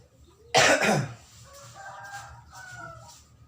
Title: Batuk di sertai flu